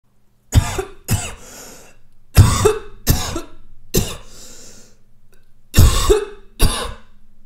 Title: Cough Sound Effect (No Copyright)